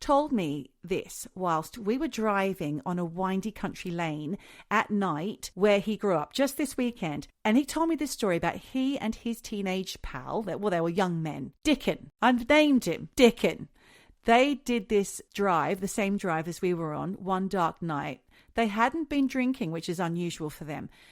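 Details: Adult woman speaking; normal voice.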